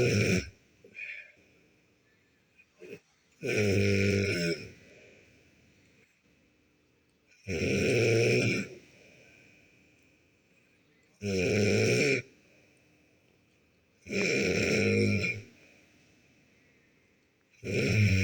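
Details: A sleeping cat gives loud rattling snores about every 3.5 seconds, roughly 16 a minute, with quiet pauses between them.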